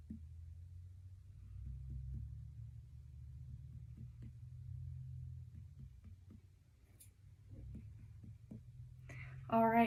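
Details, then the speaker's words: Student nurse percussing a female patient's abdomen: a series of soft, brief finger taps against low room hum, a voice at the end. Normal tympany and dullness. "next I am going to percusser stomach just listen to what it sounds like"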